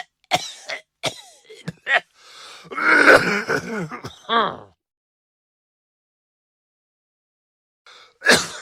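Several harsh coughs and throat-clearing bursts with a groaning voiced cough, a pause, then one more cough; a repeated cough.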